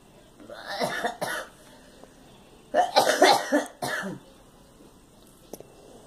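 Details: Cough from a girl: several short coughs in two bursts, with some throat clearing, in a quiet room.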